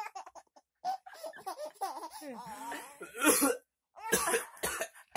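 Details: A few short coughs mixed with another person's laughter; partner laughing at the cougher.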